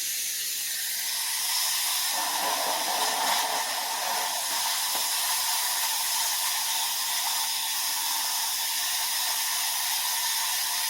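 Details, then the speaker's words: Dental saliva ejector suctioning leftover water from the back of the mouth during a composite filling on tooth number 10: steady loud hissing suction with gurgling variation. "going in and using this saliva injector to get any water from the back if there's anything left over"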